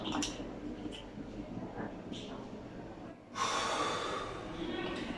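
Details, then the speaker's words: Rustle and shaking, then a sudden hissing spray of a metered dose inhaler puff with a steady inward breath, head tilted, pressing and inhaling together; doctor's demonstration of inhaler technique for asthma or COPD, first puff. "As you press, you must inhale. So there must be a very good coordination between your hand and the time you inhale."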